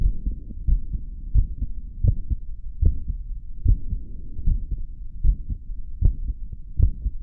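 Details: Heartbeat after caffeine: steady low thumping heart sounds about 77 beats a minute with a soft hum behind; normal heart sounds.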